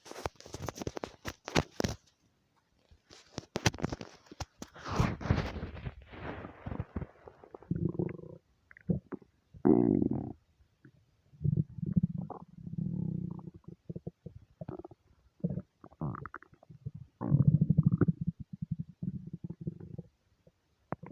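Deep gurgling and rumbling from the belly comes in repeated bursts with brief pauses, the ordinary stomach rumbling of bowel gas and fluid moving.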